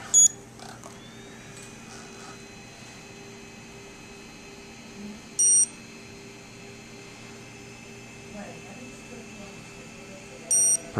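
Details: Short high electronic beeps about five seconds apart over steady room hum: a dental curing light timing cure cycles after Solo adhesive is applied, bonding a lower 3-3 lingual wire on all six teeth.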